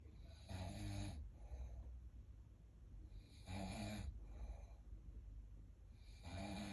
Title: Snoring 💤 😴😴😴